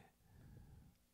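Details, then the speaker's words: A single low, rumbling snore from a sleeping female dog in a quiet indoor room, audible during a podcast recording; ordinary dog snoring. "I don't know if you guys can hear I can hear it I don't know if you can hear it but my dog is snoring and it's kind of distracting me"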